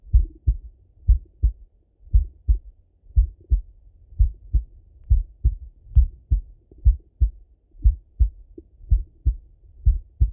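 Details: Male heart auscultated with a stethoscope, recorded either sitting at a desk or lying in bed: clear paired lub-dub, steady about 58 beats a minute, no extra sounds; normal heart sounds.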